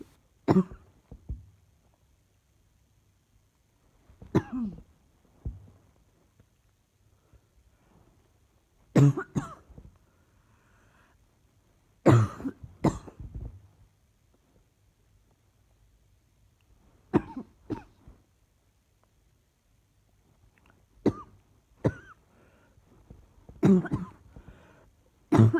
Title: Still got this annoying cough